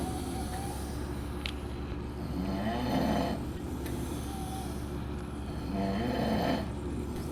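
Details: Adult men on a trip to Las Vegas: loud, rattling snores with each breath, roughly three seconds apart, over a constant low hum; ordinary snoring.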